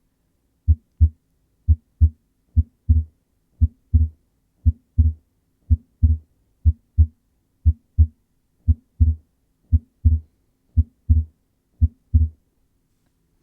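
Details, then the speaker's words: Regular heartbeat near 58 a minute with paired low thuds; S2 split more pronounced in expiration and merging to a single sound in inspiration, the reverse of physiological splitting; educational demonstration: paradoxical S2 splitting. "in some instances the sound during inspiration are so close that they're heard as a single sound in essence this can be thought of as the reverse of physiological splitting"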